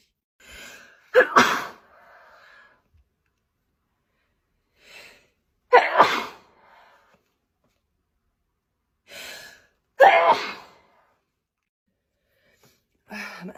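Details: Three forceful sneezes, each preceded by a sharp indrawn breath, a few seconds apart; an adult sneezing, possibly allergy to new flowers; sneezing fit.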